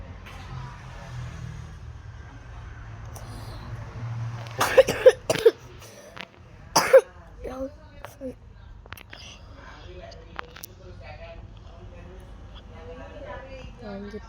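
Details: A few loud, sharp coughs in a cluster over steady background hum, with faint voices afterward; a plain loud cough.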